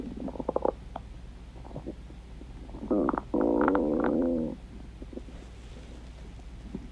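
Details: Stomach growling: a drawn-out gurgling rumble lasting over a second amid quieter gurgles and room hum, from gas and fluid moving through the gut.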